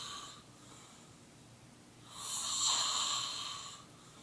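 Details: A hissing, whistling breath through the nose or throat, with a faint earlier breath, from an adult man asleep after about 20 minutes of a roommate trying to wake him with a flashlight; snoring.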